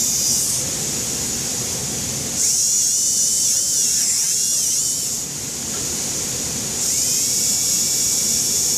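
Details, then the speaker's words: Repeated bursts of high buzzing whine with gritty contact noise as a dental handpiece runs a flexible sand disc, lowering and contouring the marginal ridge of a Class II maxillary MO composite on tooth #3. "So when you use these sand discs, you go from the more coarse to the more fine ones. You can actually use it to lower the marginal ridge when you put too much composite on."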